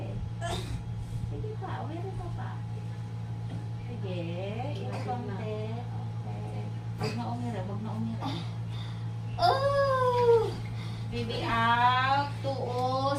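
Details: Thin, high newborn cries in short bursts over a steady low room hum with background talk: a baby girl's first cries just after a normal vaginal birth.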